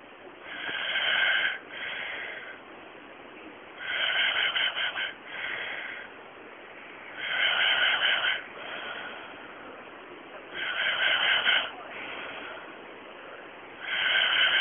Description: Me recorded by my boyfriend after a night out I was very drunk and he flicks my lip as i breathe.